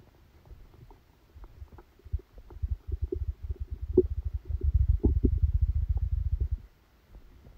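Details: Stomach sounds recorded during a stomachache after Christmas dinner while the person slept: rapid, irregular gurgling and bubbling rumbles that swell and then fade; active bowel sounds.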